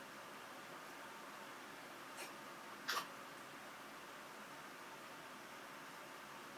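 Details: Cat coughing: two brief, soft, sharp bursts, the second stronger and doubled, while the owner asks what is in its throat.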